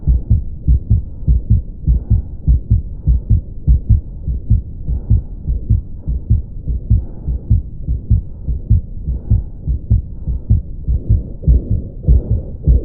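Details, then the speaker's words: Ventricular septal defect, a congenital hole in the septum between the ventricles: rapid regular heartbeat near 100 a minute with a low rushing murmur filling each beat; VSD murmur. "जहां पे नीचे के दो वेंट्रीकल रहते हैं उनके बीच का जो पर्दा है सेप्टम है जो दीवार है इसके बीच में होल रहना तो ये जो कंटेनर बीमारी है इसके अंदर कुछ इस तरह आवाज आई है"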